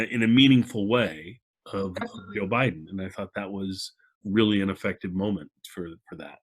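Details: Adult male speaker; normal speech.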